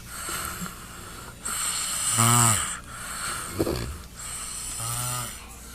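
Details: Son snoring heavily: loud, rattling snores with each breath in, over a steady hiss of room noise.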